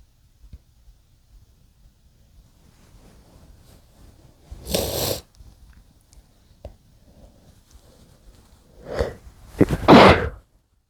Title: muffled chinkni sneezes (m)